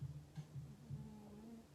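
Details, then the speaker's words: A Chihuahua snoring quietly in a small room: faint, low rumbling snorts. "do y'all hear that Chihuahua snoring y'all hear it that's bandit"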